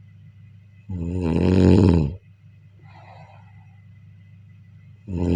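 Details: Deep, loud, vibrating snores on the in-breath during sleep, with quiet out-breaths between, over a steady low room hum; snoring.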